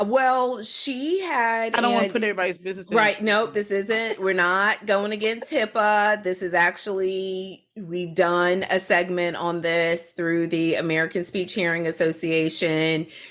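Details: Adult speaker; plain speech.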